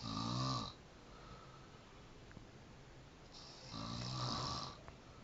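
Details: Loud, vibrating snores on the in-breath with quiet pauses between them; ordinary snoring in a sleeping person.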